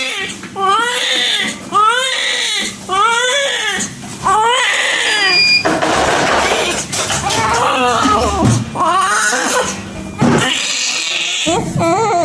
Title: Newborn Baby Crying Sound Effect- Baby crying